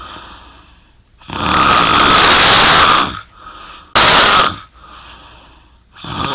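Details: Long, loud, harsh rattling breaths with quieter gaps between; heavy snoring during sleep.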